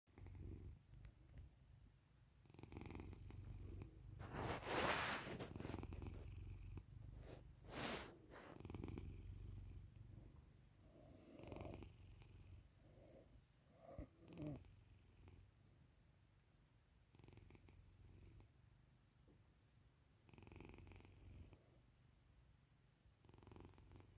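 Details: Sleeping cat snoring: soft, low, rumbling snore with a steady fluttering quality in a quiet room.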